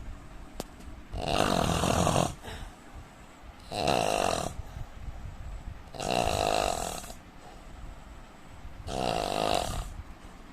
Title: Indian man snoring sound 😀